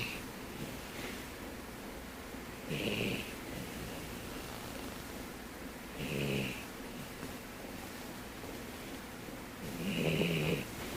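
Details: Poodle snoring loudly while asleep: rough, whistling snores, about three breaths in eleven seconds, over steady background hiss.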